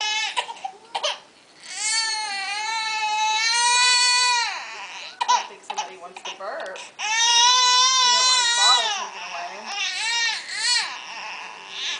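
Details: Infant crying while being fed by an older sibling and burped by the mother: loud, high-pitched, sustained wails with brief catches for breath, in a small room.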